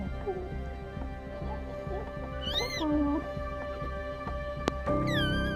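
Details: Baby with cri du chat (5p minus) syndrome: brief high-pitched mewing cries like a cat's meow over background music, the characteristic cri du chat cry.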